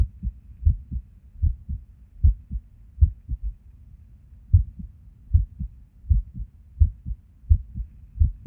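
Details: Resting heartbeat recorded at Erb's point while sitting at a desk: low thumps about 78 a minute, uneven spacing and occasional pauses; irregular rhythm with skipped beats.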